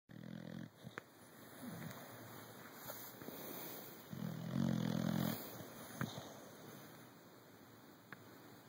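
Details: Two low, rumbling snores about four seconds apart from a sleeping dog, with faint room hiss and a few soft clicks between them; ordinary sleep snoring.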